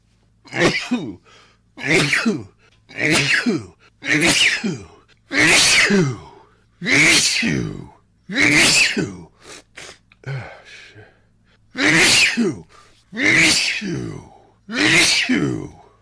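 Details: A person's rare rapid sneezing fit blamed on tree pollen allergy: about ten sharp sneezes, roughly one per second, with brief gasps between.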